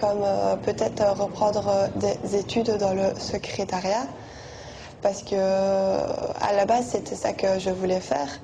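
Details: 20-year-old French-speaking woman who stutters; stuttering.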